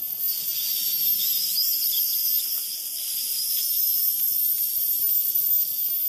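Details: Ultrasonic dental scaling removing hardened tartar from teeth: steady high-pitched hiss and whine with water spray.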